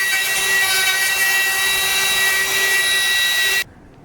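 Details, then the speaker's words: Steady high-pitched whirring and grinding of a surgical burr cutting the medial trochlear track through a jig on a sawbones model during patellofemoral joint replacement, stopping abruptly near the end. "So we run the B, lift the feet up, open the slot."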